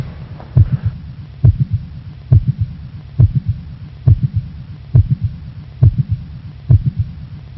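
Regular heartbeat at about 68 beats a minute, with an extra sharp click between the first and second sounds: a mid-systolic click of mitral valve prolapse.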